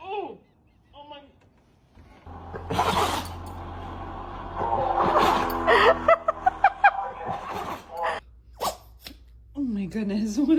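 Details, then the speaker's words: A dog's sudden, forceful, airy big sneeze bursts out, followed by quick snorts, with human voices and low engine rumble in the background. "what a big sneeze. Poor little buddy."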